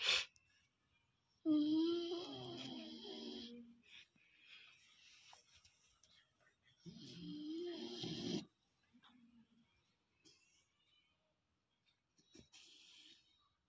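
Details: Sleeping Golden Retriever puppy making odd sounds: soft whimpers and drawn-out whiny grumbles in two bursts, quiet breathing between; sleep vocalizations in a dog.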